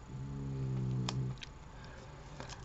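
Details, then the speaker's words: Single low rumbling snore, about one second, from a pet snoring in the background, followed by quiet room noise and small clicks; snoring. "vous entendez ronfler derrière, hein, ça faisait longtemps."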